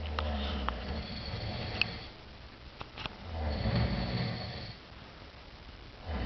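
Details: Two sleepers at a hotel snoring together: low rumbling snores rising and fading in a quiet room, with a few sniffs and clicks.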